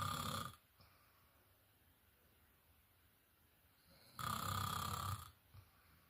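Loud rattling snores on breathing in, about four seconds apart, with quiet pauses between: ordinary snoring during sleep.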